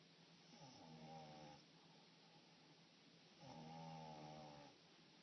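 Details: French Bulldog–Pug dog in deep sleep during a mid-morning nap: two drawn-out, buzzy snores over a steady room hum.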